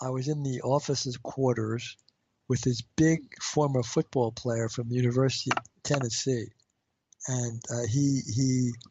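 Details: Stuttering in an adult man, a marketing executive who has a stutter.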